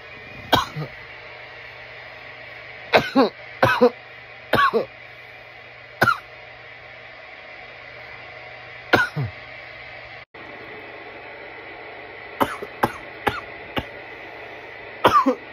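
Repeated harsh cough bursts in several short clusters, about a dozen coughs, an irritant cough after inhaling smoke.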